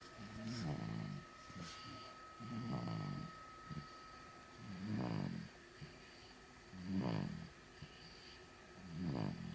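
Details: About 3-month-old baby (born November 2018) snoring softly and regularly during sleep, roughly 30 breaths a minute, with faint steady room hum behind.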